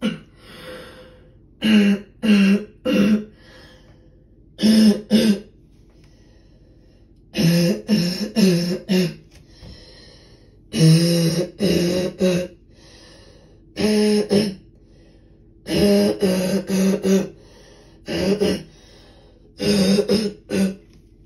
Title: Such a deep barking cough killing my throat